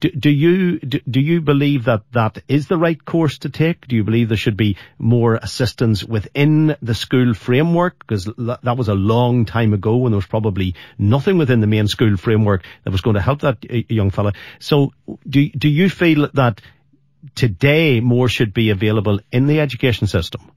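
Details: Adult male speaker; no speech disorder.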